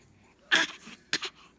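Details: Cough from a young boy who was also coughing the night before, as a Spanish-speaking adult comforts him.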